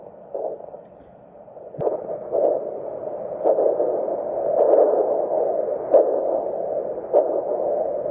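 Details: Handheld vascular Doppler over the daughter's facial arteries (superior and inferior labial, facial, infraorbital, supraorbital, supratrochlear) to check flow, as in suspected filler occlusion: rhythmic whooshing pulses over steady hiss, about 50 per minute. Normal pulsatile arterial flow.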